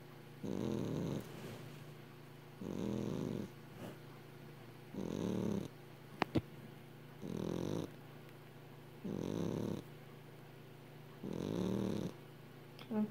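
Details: Rough, regular snoring bursts about 27 times a minute from Penny, a sleeping 12-year-old Exotic Shorthair cat with little dream twitches, in a quiet room.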